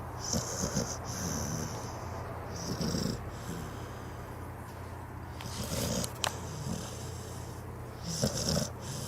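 Repeated rattling, snorting snore breaths over a steady background hum; snoring in sleeping dogs.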